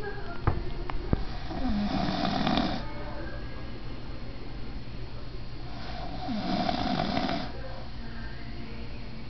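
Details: Snoring in a sleeping adult man: two loud, rough snores on breathing in, about 4 seconds apart, with a couple of clicks and faint room noise.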